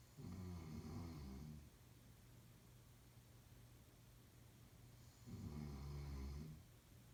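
Two long, low, rattling snores with quiet breathing between them.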